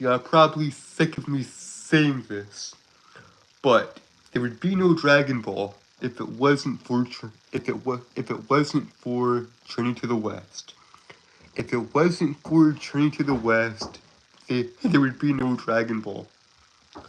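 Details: 22-year-old Southern man who describes himself as a stutterer with a speech impediment, currently sick: stuttering.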